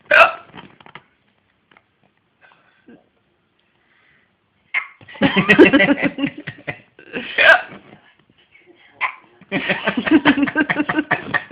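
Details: Infant gives about four sudden, sharp hiccups with babbling and giggly vocal sounds between them: baby hiccups.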